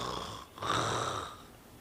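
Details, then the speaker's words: Snoring: a single rough, rattling, gurgling, vibrating breath sound made during sleep or on falling asleep. "এই ধরনের situation যে গড়গড় করে শব্দ করা বা ঘুমানোর সময় শব্দ করা এই ঘটনাটাকে আমরা নাক ডাকা বলি নাক ডাকাকে আমরা ইংরেজিতে বলি স্নোরিং"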